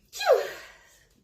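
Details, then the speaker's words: Single sharp sneeze with a short sliding voiced burst from a woman who burned sage in the room earlier and keeps sneezing from the smoke irritation. "I uh burned some sage in here earlier and now I keep sneezing it's driving me nuts"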